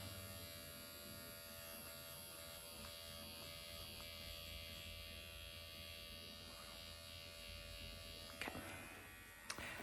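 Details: MD Needle Pen automated microneedling self-treatment on the face at 1 mm depth with hyaluronic acid, vertical, horizontal and cross-hatch passes: steady high electric buzz of the motorized pen in a small room, a few light clicks near the end.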